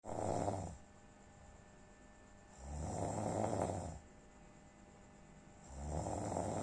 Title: Ngorok wkwk